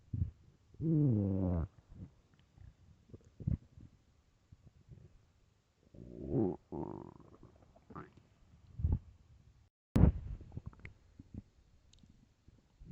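Low gurgling growls and drawn-out groans from an empty stomach, with quieter rumbles between; ordinary hunger bowel sounds.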